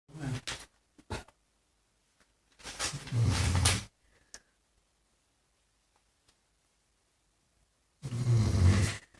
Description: Deep sleep dog... Snoring